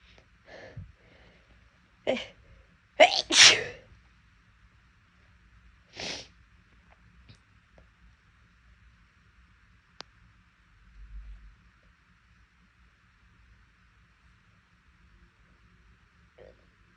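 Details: Several huge, loud, explosive sneezes, including a close pair, separated by quiet pauses in a still room; deliberately induced because the nose was bothering them.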